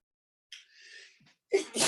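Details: Smoker's sneeze fit, possibly allergic: a sharp inhaled build-up, then an explosive burst starting repeated sneezes; the person wonders whether pesticides or the strain's terpenes are the cause.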